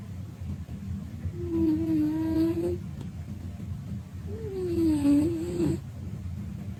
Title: When Your Cat's Snoring is Louder Than Your TV... LOL